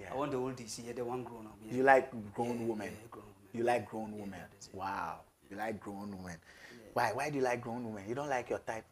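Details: Adult men talking; ordinary conversational speech.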